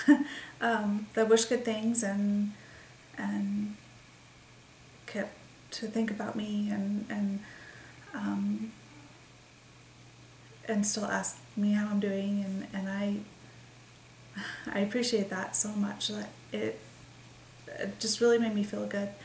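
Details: Woman with expressive aphasia since December 28, 2012, believed caused by a migraine that also triggered a seizure; word-finding difficulty, halting speech with repetitions and fillers; expressive aphasia.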